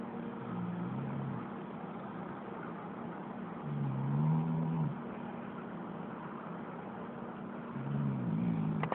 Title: dog snoring!?